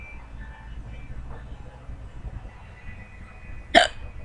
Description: I had the hiccups and was trying to explain how i get rid of my friends hiccups... But failed by hiccuping